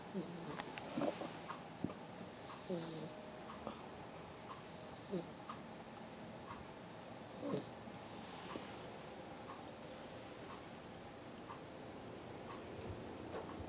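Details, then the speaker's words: Sleeping young female pet, paw twitching, making soft, irregular snorting breaths over steady room noise, pausing and then resuming: light snoring. "Oh, she's not snoring now. Oh, there it goes"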